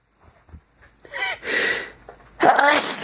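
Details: Brief but intense sneezing fit: quick inhalations followed by two forceful, explosive sneezes in close succession.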